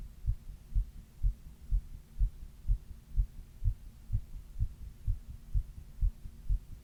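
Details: Regular, low heartbeat thumps at about 125 beats a minute, the recorder's own heart recorded while reading during a 102 °F fever; tachycardia during fever.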